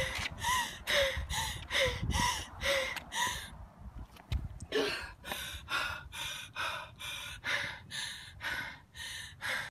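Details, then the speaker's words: A woman described as a typical patient has rapid, loud, strained breaths with a high-pitched noisy edge on inhalation, about 30 cycles in ten seconds. This is an exercise-induced attack with throat (larynx) closing, often mistaken for asthma, that comes on and resolves quickly. "it's noisy, it's frightening. It comes on really quick sometimes."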